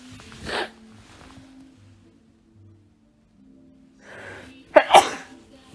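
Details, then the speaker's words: A young man gives an indrawn breath, then a loud double sneeze over soft music; he attributes it to rhinitis making his nose itchy and says it is not a cold. "그냥 이거는 지금 재채기는 비염 때문에 코가 좀 간지러우면 이렇게 재채기를 합니다 감기는 아니고요"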